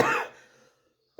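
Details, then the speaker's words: Single short, loud cough from an adult woman, fading quickly into quiet; cough. "Moi, c'est pareil. J'arrête pas de tousser depuis tout à l'heure."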